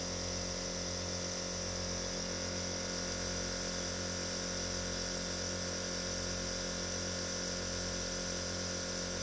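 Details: Continuous steady compressor hum with rapid pulsing and a hiss of airflow, without pause, a nebulizer running; nebulizer running.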